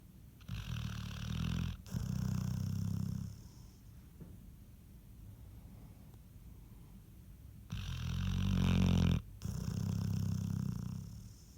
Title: Shadow snoring￼